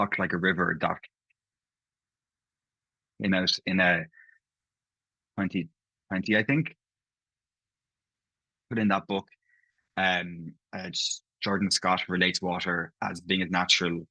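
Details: Stammering (stuttering) in an adult man who stammers, with audible part-word and whole-word repetitions.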